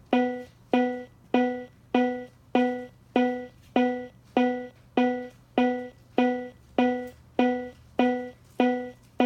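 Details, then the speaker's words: Steady electronic metronome tone about 100 per minute from a Cardiac Science Powerheart G3 AED after a shock, pacing rescuer compression-only CPR; prompt: press chest down rapidly one-third depth then release, start CPR. "press the patient's chest down rapidly one-third depth of chest then release start CPR"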